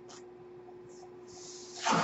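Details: Mechanical ventilator breathing cycle heard behind a podcaster who notes the noise is his own ventilator: a steady low hum with faint airy hisses, then a loud rush of air as a breath is delivered.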